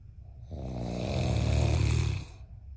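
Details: One long, loud, deep rattling snore on an in-breath with low buzzing vibration; snoring.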